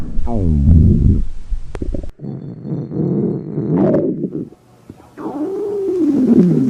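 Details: Stomach growling (borborygmi) recorded from a girl during a 24-hour fast: low, drawn-out gurgling and rumbling that rises and falls in pitch, from an empty, hungry stomach.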